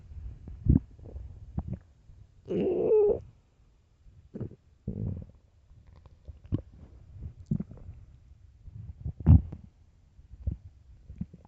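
Deep gurgling and rumbling stomach sounds, some long growls between short pops, in a quiet room; ordinary hunger growling.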